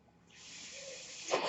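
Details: Speaker's own mechanical ventilator, heard in the background while he talks on his podcast: a mechanical ventilator breath cycle.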